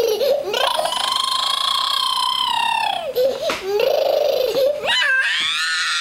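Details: Long high-pitched wailing cries with brief catches of breath between them; a child crying loudly.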